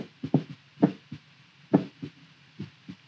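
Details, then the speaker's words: Adult man's heart sounds through a stethoscope, regular lub-dub with clear paired first and second sounds at about 66 beats a minute, recorded while his heart rate is measured from his face on video. "The heart rate that you can see on my face seems to match up with the audio of my heart that you can hear."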